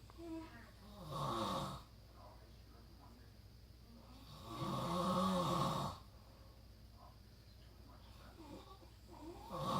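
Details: Two slow, rumbling snores on breathing in, with quiet breathing between them and faint room noise, from a sleeping son after a long road trip; snoring.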